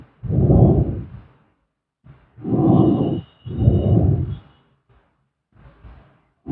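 Deep, rumbling breaths recurring about every 1.5 seconds with quiet gaps; snoring during sleep.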